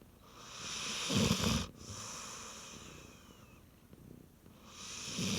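Loud, harsh snoring breaths from a sleeping dog, with a noisy, hissing background.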